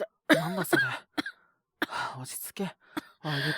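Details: Acted coughing fit by a male Japanese voice actor in a drama: harsh voiced coughs with gasping breaths as a character with stomach pain wakes in the school infirmary struggling to breathe.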